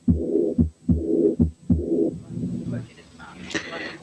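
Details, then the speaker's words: Aortic regurgitation: heart sounds with a soft blowing early diastolic murmur after each beat. "وبعدين نسمع حالة aortic regurgitation فيها early diastolic murmur."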